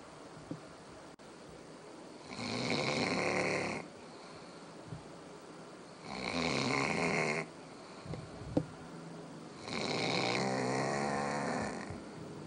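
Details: Dog snoring like a chainsaw: loud, harsh, rattling snores on each in-breath, about 16 a minute, with quiet gaps between.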